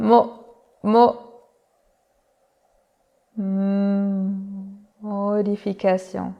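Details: Imitated stuttering block demonstrating the pull-out technique (modification during stuttering): freezing on the first sound of the stuttered syllable, pausing, then resuming with soft, slow onset; stuttering block with pull-out technique (imitated).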